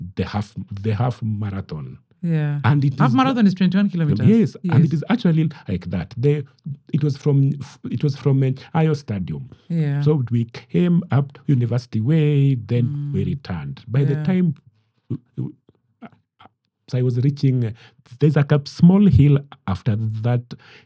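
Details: Adult man with stammering he describes as genetic, inherited from his mother, at times acute; word and part-phrase repetitions heard; stuttering.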